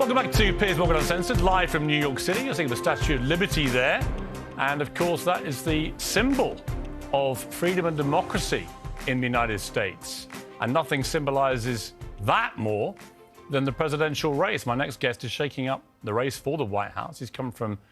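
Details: Adult male speaker; ordinary speech.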